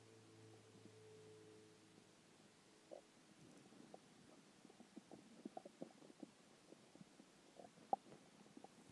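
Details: Stomach growling after skipping lunch: low gurgling rumble followed by soft irregular bubbling pops. Normal hunger borborygmi.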